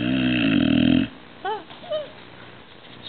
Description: Nala had surgery yesterday and she did not feel well. She had meds and was snoring loud.